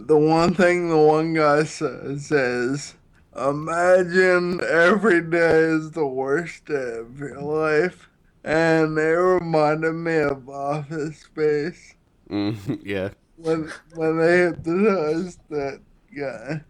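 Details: Ataxic dysarthria in a 33-year-old man with Friedreich's ataxia diagnosed at 16, using a wheelchair since about 19; the disease affects his balance, coordination and speech.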